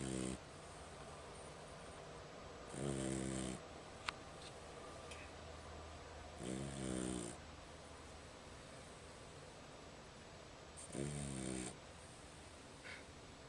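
Short, rattling snores about every four seconds, roughly 15 breaths a minute, against a quiet room hum. Ordinary snoring in a sleeping dog.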